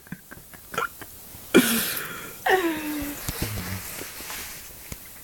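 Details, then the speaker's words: A quiet room, then a sudden sharp catch of breath followed by a brief voiced 'hic'-like sound from a woman with hiccups: a hiccup. "Hiccups. Take one. You just gotta wait for them to come."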